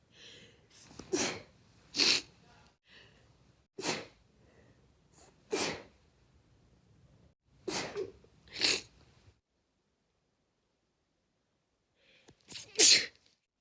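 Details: A person's own sneezes from one week, compiled: seven sharp, hissing sneezes, some with a short breath-in beforehand, separated by quiet pauses.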